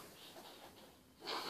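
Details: 5-year-old boy with cerebral palsy receiving EFT tapping for chest wheezing; noisy, rattly breathing with faint whistling tones; wheezing.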